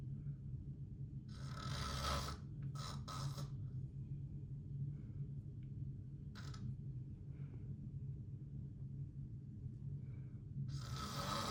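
Harsh, raspy snoring bursts on the breaths, separated by quiet pauses, over a steady low hum in the room.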